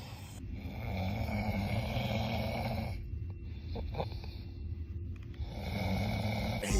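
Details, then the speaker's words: Person admitting they snore, including when dozing off in class: rough, rattling snore on the in-breath, with a quieter gap between breaths; ordinary snoring. "yes I be snoring I used to deny it bro I be snoring I can't even lie no more I be snoring"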